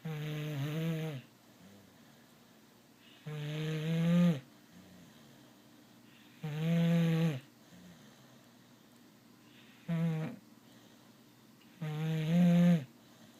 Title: you don’t snore ❤️